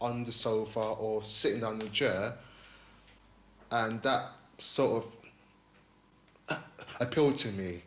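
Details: 28-year-old man with a stammer, attending a stammering course, who has avoided the phone because of his stammer; stuttering.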